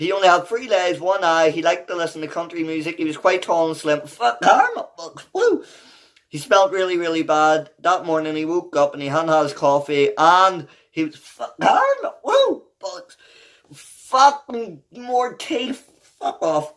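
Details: Adult man with Tourette syndrome whose involuntary vocal tics, including vulgar words, interrupt his reading of a children's book aloud; Tourette syndrome (vocal tics).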